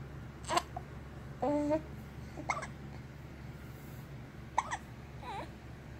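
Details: Infant hiccups: three short, sharp hiccup bursts at about 30 a minute, with a couple of soft coos between them.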